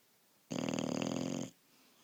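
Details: A single one-second fluttering, buzzy snore in a quiet room; ordinary snoring.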